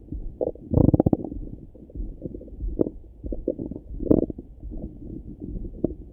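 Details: Low gurgling rumbles and bubbling bursts heard through a stethoscope over the abdomen in the morning; ordinary bowel sounds (borborygmi), a normal finding.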